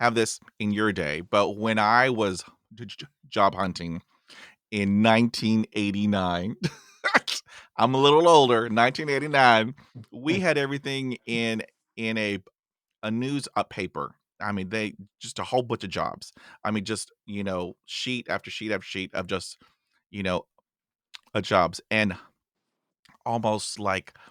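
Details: Adult male podcast host who stutters, reporting both blocks and repetitions himself; stuttering.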